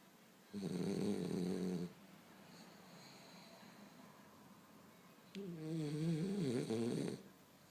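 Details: French bulldog snoring.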